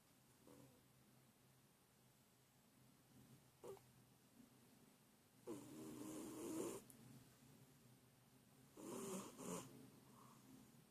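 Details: A sleeping cat with its tongue out snoring like a human, with soft, quiet snoring breaths a few seconds apart and faint snorts in between.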